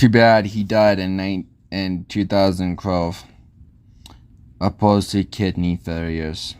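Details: Speech impediment present since childhood, type unspecified; adult male narrator; articulation errors.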